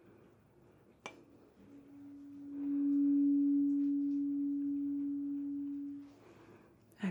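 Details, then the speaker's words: A struck 256 Hz tuning fork gives a steady low pure hum lasting about four seconds, then fading, during a simulated cranial nerve 8 hearing test in an ASMR medical roleplay. "We're already familiar with this one. This is our 256 hertz fork."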